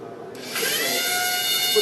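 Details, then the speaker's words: High steady whine of a Medtronic surgical bone drill spinning up, its state read into a haptic virtual temporal bone surgery simulator: simulated surgical drill sound. "we integrated metronic drill straight into the hatic system so that we can actually read the state of the actual drill and reflect that to the virtual system"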